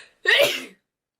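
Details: A single sharp, explosive sneeze with a forceful burst of air, over in about half a second, announced beforehand by the person.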